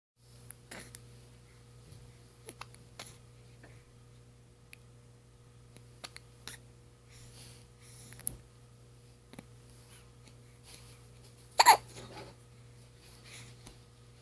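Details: Faint, brief clicks repeating every second or two in a quiet room: hiccups in an infant aged 2 weeks and 2 days.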